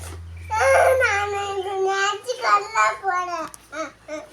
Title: my son , crying